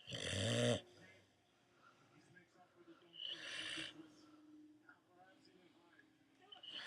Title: Fluffy Dog Snores Like A Champ